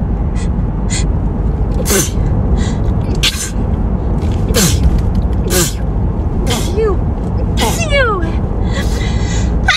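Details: Hay fever sneezing: repeated forceful sneezes with sharp bursts of air and squeaky in-breaths, heard over loud steady wind or outdoor noise.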